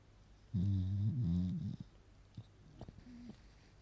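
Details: Sleeping female beagle puppy snoring: one long, loud, droning snore with a buzzing, nasal tone, then softer snuffles.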